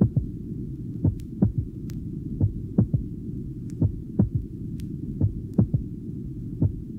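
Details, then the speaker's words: Normal heart at apex with loud physiological third heart sound; only A2 audible so the second sound appears single. "listen again to the recording of The Normal Heart with the loud physiological third heart sound it is taken at the Apex only A2 is Audible and thus the second sound appears single at this"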